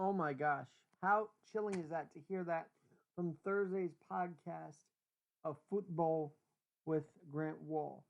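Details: Adult speaker; normal voice.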